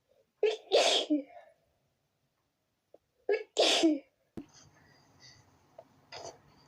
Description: Out of nowhere,I was hit by a sneezing fit that I couldn't control.